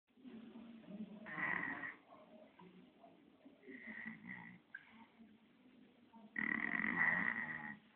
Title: 1 year baby snoring